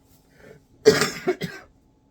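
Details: One harsh cough burst followed by two shorter coughs, three in all, in a quiet room while talking; cough.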